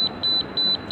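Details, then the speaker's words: Rapid high-pitched repeating beeps from a Propex Pixi apex locator as a size 15 file in the upper right first molar reaches the 0.5 reading, marking the apical constriction and the correct working length. "0.5 denotes the file is just in the apical constricted that's the correct measurement"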